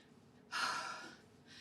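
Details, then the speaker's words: Simulated sneeze by an actress in a film scene (Hall Pass): a single sudden hissing sneeze from a queasy woman who says she is allergic to her quit-smoking patch and says the sneeze helped. "That sneeze helped."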